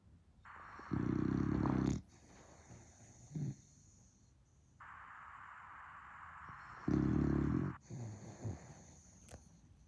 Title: Funny dog snoring, sleeping with her eyes open #puppy #bulldog